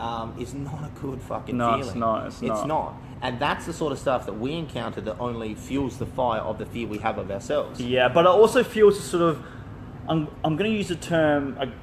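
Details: Adult male speaker; ordinary speech.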